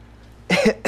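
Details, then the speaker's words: Simulated cough in a commercial: single short forced adult cough, put on deliberately by someone faking illness to call in sick. "And right about now, millions of you are thinking about calling in sick to work tomorrow. One small problem with that. You won't really be sick at all. You'll be faking it."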